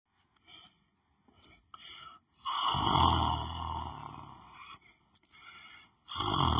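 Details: Person lying on the floor of a small room, sleeping and snoring: loud, rough, rattling snores with each breath in, quieter breaths between.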